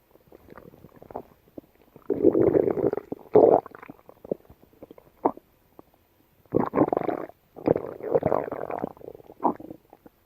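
Bursts of gurgling, rumbling gut noise separated by quiet gaps; normal active bowel sounds in a dog.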